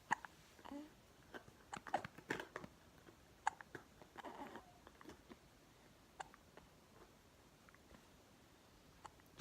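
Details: Soft, abrupt catches in an infant's breathing, repeating irregularly over several seconds; baby with hiccups.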